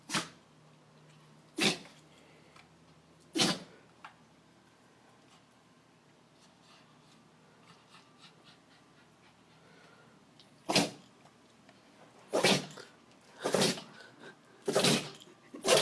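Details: Repeated sneezing in a dog: a run of sharp sneezes, about seven in sixteen seconds, with a quiet pause midway; cause unknown to the owner.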